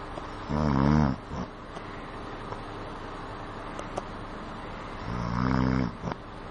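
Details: Person snoring while riding a metro train: two loud, rattling snores about five seconds apart over steady train noise.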